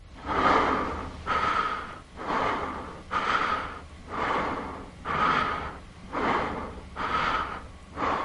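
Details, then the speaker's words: Breathing after exercise (dancing) in an asthma segment, possibly the girl with asthma or her friend: audible, effortful in-and-out breaths at about 30 a minute, with no wheeze. "but she still gets out of breath more quickly than her classmate"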